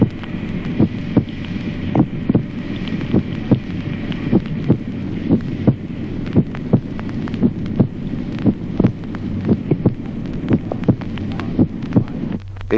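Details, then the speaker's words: Normal adult heart sounds in a teaching recording: a regular two-part heartbeat at about 60 a minute, with a dull first sound and a clear second sound. "signos auscultatorios normales en el adulto primer ruido sordo segundo ruido claro"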